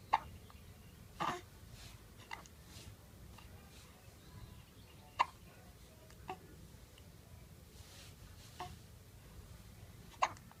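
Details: Short, abrupt hiccups, roughly twelve a minute, spaced unevenly over a quiet, noisy room background.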